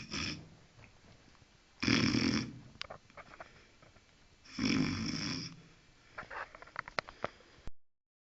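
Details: Guard dog snoring at night while asleep: two loud rattling snores about three seconds apart, followed by small lip and nose smacks.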